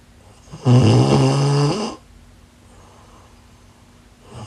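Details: One loud, rattling, low-pitched inspiratory snore followed by a quiet out-breath, from a sleeping woman; snoring.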